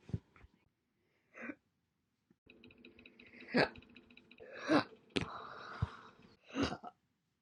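About six short, abrupt, irregular catches of breath with a little background hum. Hiccups.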